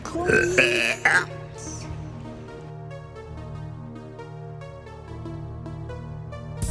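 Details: Woman in her car in a parking lot burping: one loud, drawn-out belch followed by a shorter one, with music playing throughout.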